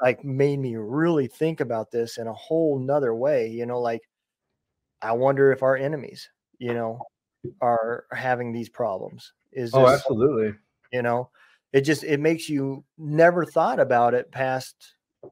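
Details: Adult man speaking; ordinary speech.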